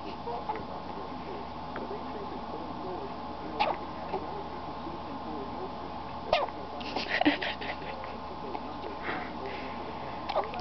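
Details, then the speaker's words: Several brief, sharp little hiccups recurring every second or two over a quiet room hum, from a newborn girl on her first day of life. "are those the hiccups mhm if those aren't the cutest little hiccups I ever heard"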